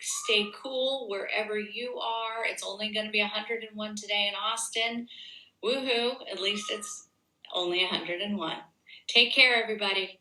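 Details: Adult woman; ordinary speech.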